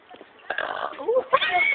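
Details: A single short, throaty burp with a bit of voice, brief, in a clip where the person also coughs; an ordinary belch.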